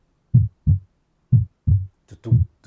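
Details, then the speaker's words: Steady paired lub-dub heart sounds at about 60 per minute heard by stethoscope in a TV drama scene of a patient with signs of previous cardiac surgery during resuscitation; normal heart sounds. "PR, escuchen el ruido del corazón, ¿qué es eso?"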